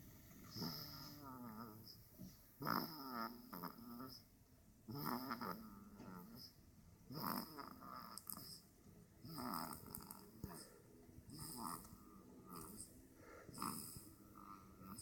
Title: Snoring peacefully